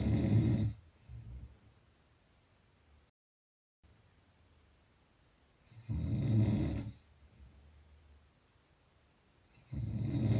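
Low, rough snoring sounds recurring every few seconds with quiet gaps between; ordinary snoring.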